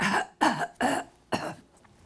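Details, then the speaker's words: Patient's first botulinum toxin injection through the front of the neck into the voice box: three sudden harsh reflex cough bursts, expected during the anesthetic injection right after the sting. "Now, remember I told you you're going to cough suddenly? That's going to happen right now."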